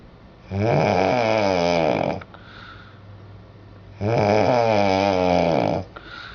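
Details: An adult woman asleep in a hotel room at night gives two long, loud, rattling snores on the in-breath with quiet breathing between them; she had said she snores only rarely: heavy snoring.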